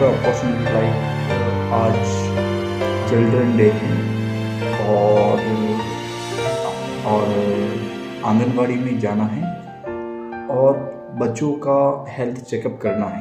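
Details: Adult man who says he stammers, speaking Hindi over background music about his self-managed stammering mission, begun on 11 December, supported by the Indian Stammering Association; stuttering.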